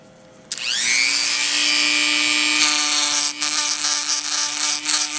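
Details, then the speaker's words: Dental handpiece whines and grinds while trimming a newly delivered Gelb/ALF oral appliance for a 29-year-old patient with 40 tics. The left side hits harder and sooner than the right on tapping, so it is trimmed down. "you can see the left side hits much harder and sooner than the right side and so we're just going to trim that down"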